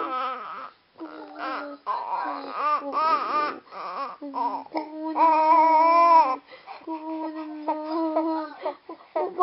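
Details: Loud, tuneful bursts of infant crying with wailing rises and breaks between breaths; quiet adult voices in the background.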